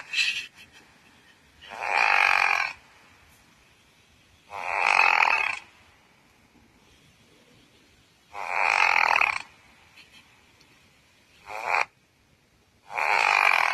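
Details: Pekingese dog snoring while asleep: harsh, rasping snorts on each breath in, roughly one every three seconds, with quiet pauses between.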